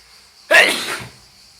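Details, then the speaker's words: A self-induced sneeze, triggered by pushing a bent paperclip against a spot inside the nostril: a single sudden, explosive burst of air through the nose and mouth, fading over about half a second. "That spot in the nose is right here. It's a little reflex! It was developed years ago, through evolution, to help us fight mammoth."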